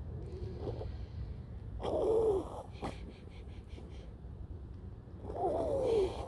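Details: A 12-year-old elderly dog, getting over an illness and coughing, makes repeated harsh, honking snorts with a whistling, wheezy edge and a sharp snort between bursts: a snorting, wheezy breathing episode.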